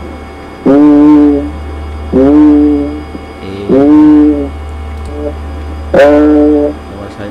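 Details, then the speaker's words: Four sustained spoken vowels heard through the chest wall over a consolidated area, where the patient says 'E' but it comes through as a nasal, bleating 'A', as in pneumonia; egophony. "da área consolidada, saiu um A, né? Então essa é a egofonia."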